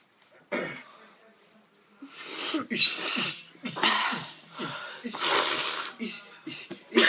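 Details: A run of about five hissing, forceful sneeze bursts with gasping breaths between them; repeated sneezing.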